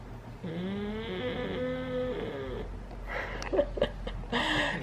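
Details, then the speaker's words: Guido, a sleeping dog, snoring: one long, whistling, tonal snore followed by rustling and handling noise. "and Guido is snoring as you can hear ya he is out of it"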